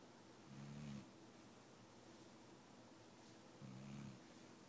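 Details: Sleeping pet dog who has been unwell and is awaiting medication: two short, low, rumbling snores about three seconds apart over steady room noise.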